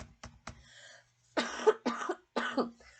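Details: Adult reseller ill with an ongoing cough for days, avoiding cough suppressant: three short soft coughs, then three louder, harsher coughs in a small room.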